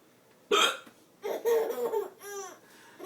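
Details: Adult man with hiccups while feeding a young child yogurt: a sudden hiccup followed by bursts of the child's laughter; ordinary hiccups.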